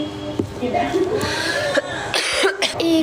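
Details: Severe coughing during a livestream: several harsh coughs mixed with throat clearing and talk, with background music.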